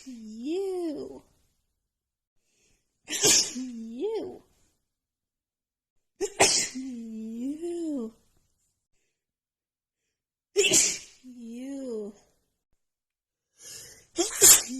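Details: An adult woman's sneezing fit, with a runny nose after an hour outside in cold snowy weather plus dust: four or five sneezes in quick succession, each a rising voiced inhale then a sharp explosive burst.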